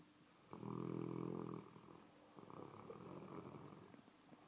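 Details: Sleeping dog snoring: a low buzzing snore on the in-breath, then a softer rumbling breath out.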